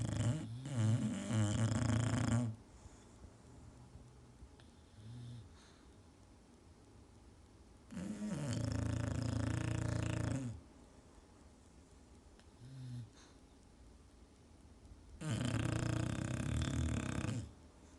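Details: Snoring in sleeping English Bulldogs, a flat-faced breed: loud, rumbling, rattling snores of two to three seconds about every seven seconds, roughly eight to nine breaths a minute, with soft grunts between.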